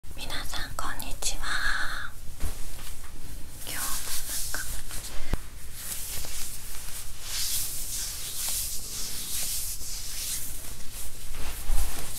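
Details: Self-recorded close-up of own stomach after fasting over 15 hours: low rumbling and soft irregular gurgles with a brief high squeal early on, hunger bowel sounds (borborygmi).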